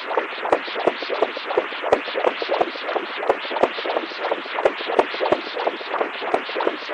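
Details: Doppler echocardiography of a cat's heart with an atrial septal defect: rapid rhythmic whooshing flow pulses, about 176 a minute.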